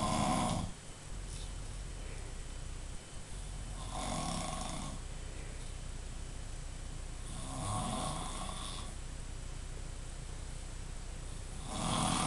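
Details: Adult snoring after a big night out: rough, rattling snores on each in-breath, about 16 breaths a minute, over steady room hum; ordinary snoring.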